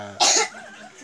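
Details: Young child with cough and slight fever: a single short, harsh cough.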